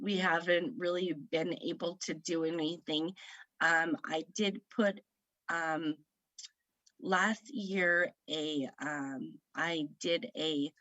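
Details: Woman who had a stroke at age 38 in September 2018 affecting her right side, about 3 years post-stroke; aphasia after stroke.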